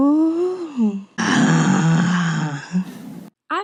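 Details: A woman's disordered voice, used as a GRBAS rating practice sample, rated asthenia 2 for moderate weakness or lack of power. Moderate asthenic (weak) voice.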